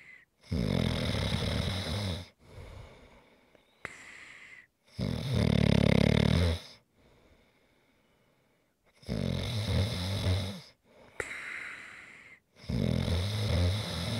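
Loud rumbling snores on each breath in, with quieter breaths out and a few clicks, about every four seconds; snoring.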